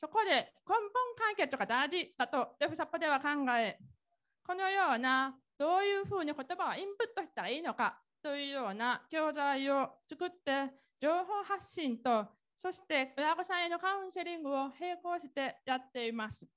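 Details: Woman speaking Japanese who has been completely deaf since birth and follows others by lip-reading; Deaf speech.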